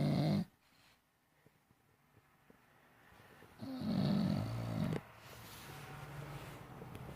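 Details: A sleeping English bulldog snoring: loud, rough, low rattling snores in separate breaths with quieter gaps between them.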